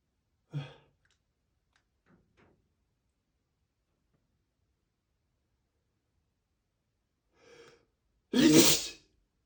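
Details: Quiet breaths and small catches in a silent room building to one sharp, loud spray sneeze from a male; ordinary sneeze.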